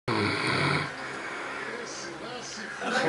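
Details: Person sleeping and snoring: loud, rough, vibrating snore on a breath with background room noise.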